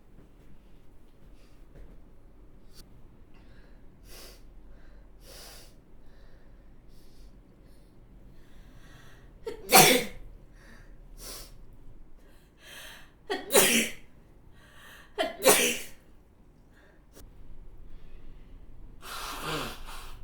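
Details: Adult sneezing non-stop: about four sneezes in quick succession, with quiet sniffs and catching breaths between.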